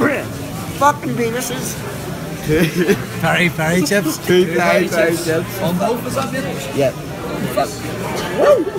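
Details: Adult man speaking in a busy restaurant; Tourette syndrome vocal tics.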